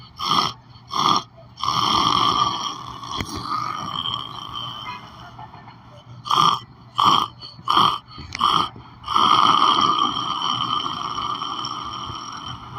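Irregular snoring with short snorting bursts and longer drawn-out, buzzy, whistling breaths in a quiet indoor room.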